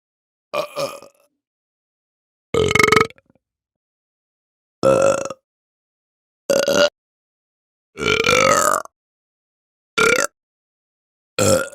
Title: Burp and Belch Sound Effect Human Burp #funny #viral #burp